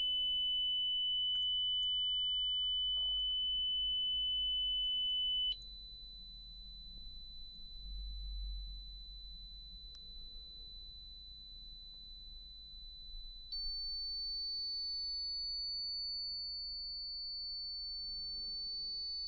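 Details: Simulated pure-tone audiometry in a roleplayed ASMR audiology exam: steady pure beeps played through headphones, held several seconds and stepping up in pitch, while the listener presses a buzzer on hearing them; faint room noise.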